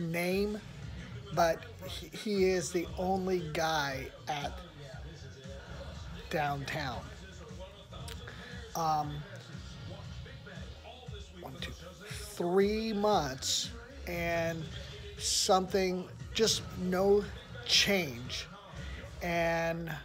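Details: Aphasia in an adult man in therapy at a research program; effortful speech with long pauses and fragmented sentences.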